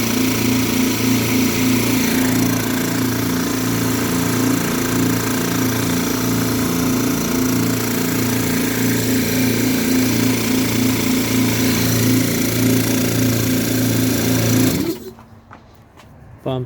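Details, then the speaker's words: Loud, steady, rhythmic chugging of an Air Star 50 dental air compressor, both motors running as tank pressure rises, then stopping abruptly near the end; test before shipping. "okay now we're gonna turn it on to pump air pumping here now pressure starts raising up both motors are running"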